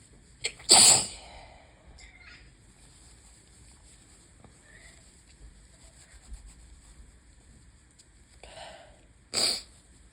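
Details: Two loud, sharp sneezes about nine seconds apart, each after a brief sharp in-breath, in a quiet room on a high-pollen day with window open; allergic rhinitis sneezing.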